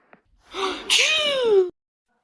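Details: Acted cartoon sneeze from an animated children's show: a rising 'ah-ah' in-breath, then a loud 'choo' burst.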